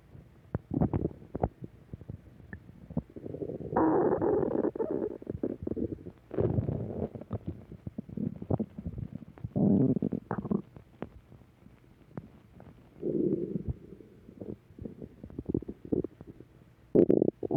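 Low gurgling, rumbling bursts of varying length with quiet gaps: ordinary stomach growling from gas and fluid moving through the gut.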